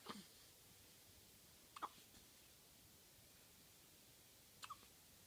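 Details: Person on the fourth day of hiccups: three short, abrupt hiccup sounds at irregular gaps over about five seconds in a quiet room; repeated hiccups.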